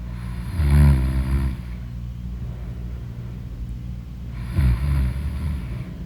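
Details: Snoring in deep sleep: two deep, rumbling snores about four seconds apart over a steady low room hum.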